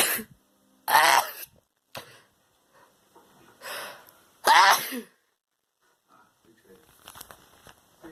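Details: Two loud explosive sneezes with softer breathy sounds between them in a quiet room, apparently from the person filming ("it's me"), as a puppy reacts.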